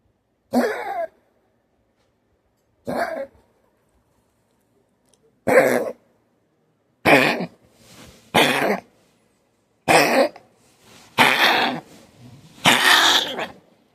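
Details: Chihuahua with a collapsed trachea gives eight harsh, honking coughs, typical of tracheal collapse.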